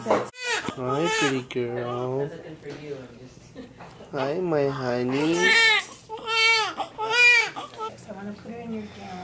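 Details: Newborn just after delivery, weighing 5 pounds 9 ounces and measuring 18¾ inches: loud, repeated wailing cries with short gasping breaths between them, a strong, normal first cry.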